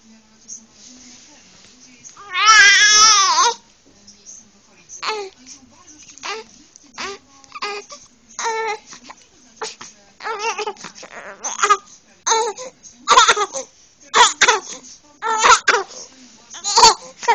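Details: Six-week-old baby boy crying at night for hours to be picked up: short bursts of fussing, one longer wail, whimpers between, in a quiet room.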